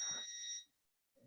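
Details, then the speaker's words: Single short high-pitched beep from an orbital atherectomy device, which beeps after about 20 seconds of running, during multivessel PCI in a 51-year-old man with radiation-induced coronary artery disease and non-STEMI. "turn it on and here we go so the machine usually beeps after 20 seconds"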